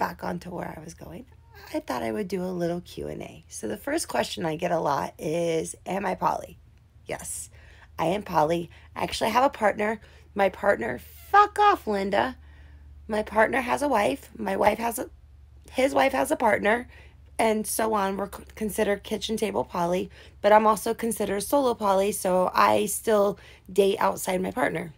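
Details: Adult woman with tics and Tourette's, which she attributes to brain tumours years ago and the chemotherapy and treatments that followed; she also has seizures; vocal tics of interjected words occur during her speech.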